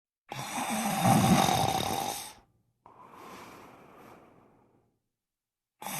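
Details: Loud rattling inhaled snore, then a softer breathy exhale and silence before the next breath; snoring, which the snorer says is not that loud.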